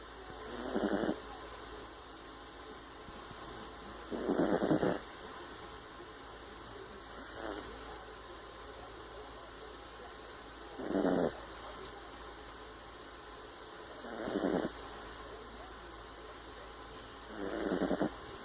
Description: My puppy snoring !